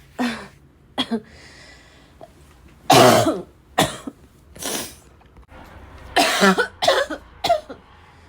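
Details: Barking cough: about nine harsh, repeated coughs in quick fits with gasping between them, as though choking on the cough.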